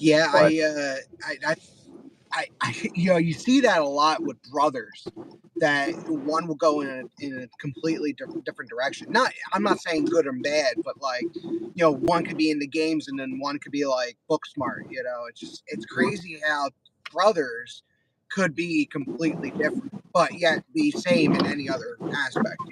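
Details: Man with mild Tourette syndrome diagnosed less than 10 years earlier, speech impediment since childhood, eye and shoulder tics, neurologists say stress related; speech disfluency (word repetitions) with Tourette syndrome.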